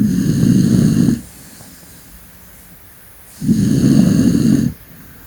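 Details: A senior dog gives two loud, rough, rumbling snores, each about a second long with a quiet pause between, roughly 18 breaths a minute: snoring.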